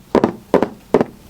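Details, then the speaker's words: Gallop rhythm, described as a diastolic gallop common in heart failure patients: three beats, each a close pair of low thuds with a faint trailing sound, giving a galloping cadence like a horse running. "这个呢是心衰患者常见的奔马率，常常介于舒张期奔马率，像马儿在草原上奔跑的"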